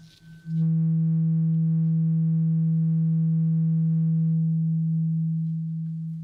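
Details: Role-played ASMR ear exam, simulated: a steady, pure ringing tone of a struck tuning fork slowly fades, in a hearing test; the listener, eyes closed, says which ear hears the tone.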